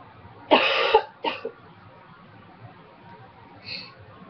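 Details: Two short, harsh coughs without rattle or mucus sound, then a faint breath; dry, non-productive cough in an adult with a cold who quit smoking almost two years ago.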